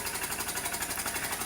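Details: SERVO-n ventilator in HFO (high-frequency oscillatory ventilation) mode, demonstration of settings such as mean pressure, amplitude and frequency: fast, steady buzzing rattle of rapid pulses.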